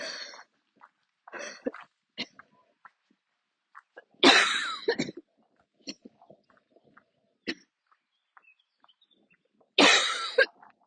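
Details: Bouts of harsh coughing with throat clearing and short catches of breath between them, recorded outdoors: a coughing attack during a walk. The person usually has to stop and sit or kneel during attacks but kept walking.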